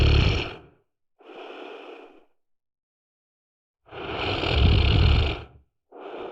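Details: Loud, rough breathing noises alternating with quieter ones, separated by pauses; heavy snoring.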